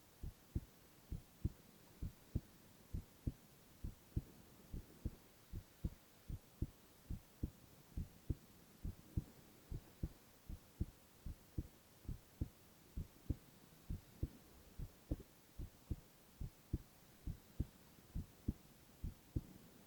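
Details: Male ASMR heart-sound recording with no talking: steady, soft thumping at about 67 beats a minute with a low hum behind it; normal heart sounds.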